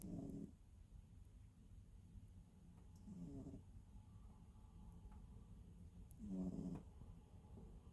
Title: snores (low volume)